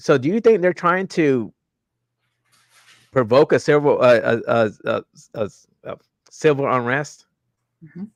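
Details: Adult male host with self-reported stuttering, more marked in his earlier videos and worse with unfamiliar people or new situations; audible word repetitions; stuttering.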